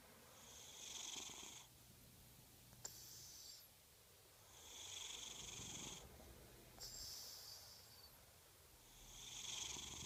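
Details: Cat snoring in sleep: regular hissing, whistling breaths at about 14 a minute, with soft low snores between.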